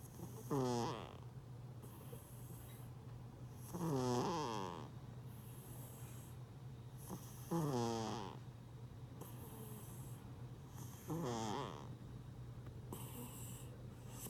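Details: Overweight sleeping cat snoring loudly: rattling, buzzy snores about 17 times a minute.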